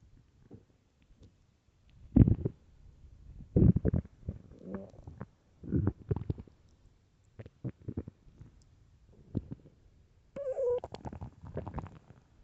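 Repeated loud low gurgling and rumbling bursts from the abdomen, with quiet gaps between: loud stomach growling from an empty stomach.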